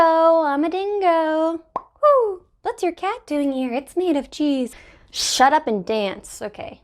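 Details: Adult woman with Tourette syndrome producing involuntary complex vocal tics with random phrases, which she says are worse on camera; complex vocal tics (Tourette syndrome).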